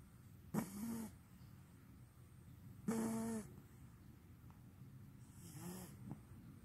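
Three short, rough, vibrating snores a few seconds apart, in a quiet room.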